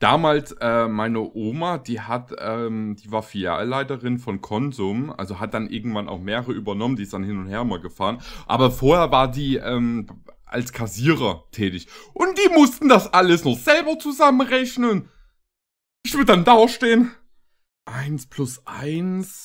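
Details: Adult man; typical speech.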